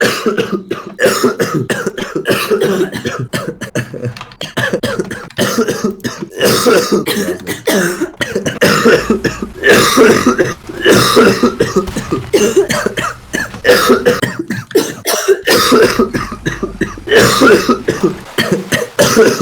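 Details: Adult man coughing all evening, says coughing feels so bad his eyes bulge out: repeated loud, harsh coughing fits with throat clearing and brief gasps between bursts; persistent cough.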